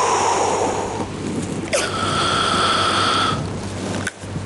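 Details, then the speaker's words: Short spray puff from a metered-dose inhaler then a steady inhaled airflow of a couple of seconds with breath-hold, an adult demonstrating technique after shaking and breathing out fully; a small wisp escaped, showing imperfect technique. "inhale and hold and even as I inhaled I don't know if you saw little little wisp that went up that even indicated that I didn't do it perfectly"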